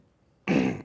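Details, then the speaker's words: Throat-clearing vocal tic in an adult with Tourette syndrome, who also has sniffing, laughing, winking and grimacing tics: a single abrupt, harsh throat-clearing burst. "I HAVE THE HEALTH AND THE SNIFF AND THE LAUGHING AND HARD WINKING AND THROAT CLEARING, FACE GRIMACE."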